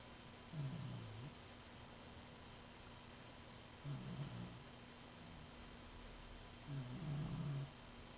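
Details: Low rumbling snores from a dog sleeping soundly in her new dog bed, three in eight seconds over steady background hiss; snoring.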